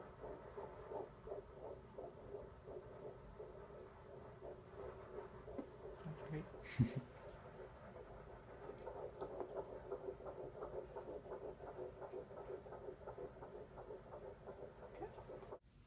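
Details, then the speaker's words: Woman 11 weeks pregnant with type 1 diabetes at her first prenatal exam; handheld Doppler picks up rapid, regular whooshing pulses, first time hearing it; normal fetal heartbeat on Doppler. "she pulled out her Doppler and was able to show me my baby's heartbeat my husband was there too so we got to hear the heartbeat for the first time"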